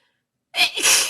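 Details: Induced sneeze: one abrupt, hissy sneeze, a sudden forceful burst of air after a moment of silence.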